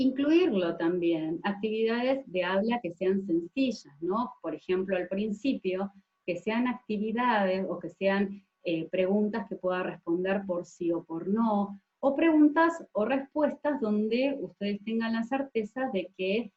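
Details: Adult woman speaking Spanish; normal fluent speech.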